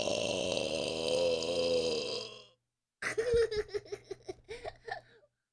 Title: コーラ１・５ japanese burping girl